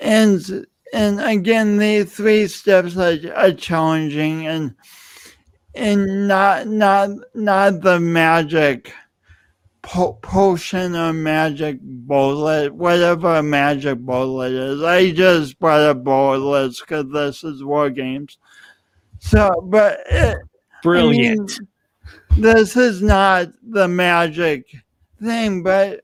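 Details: Adult man with dysarthria, a pronounced lifelong speech impediment attributed to loss of oxygen and breath at birth; he also has an unusual walk.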